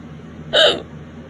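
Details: Late-night violent hiccups that have lasted half an hour: a single sharp, loud hiccup with a brief voiced catch against quiet room noise, part of a persistent, forceful bout.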